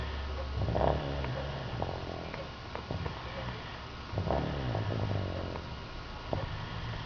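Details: Deep, rattling snores with slow, drawn-out breaths, about two cycles over seven seconds, over steady low room noise; snoring.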